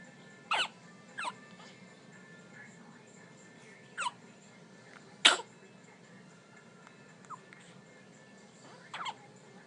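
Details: Five or six abrupt, squeaky little bursts at irregular intervals over a quiet room hum: hiccups in newborn identical twins.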